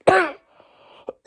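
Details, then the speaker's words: Loud cough from an ill adult who has been coughing all day, suspects a heart or lung cause, and is using a blue inhaler. "I have been coughing all day and trust me my cough is so loud it's like anybody could hear"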